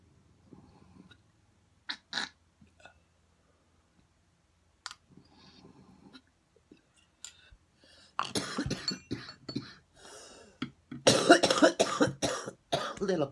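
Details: Adult coughing after a wake-and-bake smoke of rosin: quiet clicks and breaths, then a run of loud, harsh, rapid coughs with a throaty rattle.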